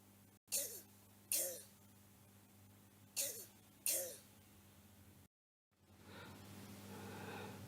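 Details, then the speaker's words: Four harsh, abrupt coughs with a hoarse, barking quality. This is a barking (croup-like) cough. "Continuemos con una tos perruna por laringitis en un niño. Aquí vemos otro ejemplo de top perruna,"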